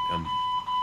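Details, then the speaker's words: Infusion pump alarm in a hospital ER for a cancer patient with a chest tumor and low platelets: a steady pure electronic beep with a faint voice beneath; the patient thinks the cause is an occlusion or, likely, low battery. "I'm beeping. It's probably the pump. There's probably some sort of inclusion or something in the pump."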